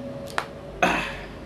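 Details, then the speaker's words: Knee joint crack: a single sharp crack from an adult's right knee, deliberately cracked while flexed with pressure applied; an ordinary joint pop. "we go that was the crack of my right knee I'm gonna see if I can duplicate that with my left knee here"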